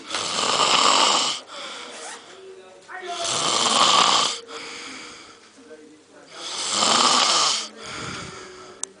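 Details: Loud, rough snores on each in-breath, about 19 breaths a minute, with softer whistling out-breaths between: snoring.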